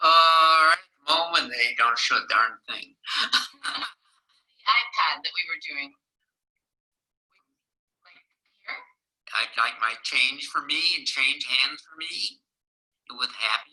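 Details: Adult man with Wernicke's aphasia from damage at the temporal-parietal boundary (Wernicke's area); fluent but semantically disordered speech with topic jumps and impaired comprehension; Wernicke's (fluent) aphasia.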